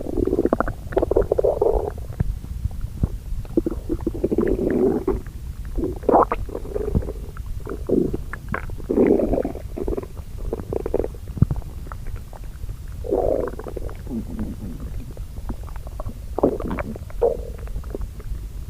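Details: Repeated low gurgling and rumbling stomach growls over about 19 seconds, said to be from hunger.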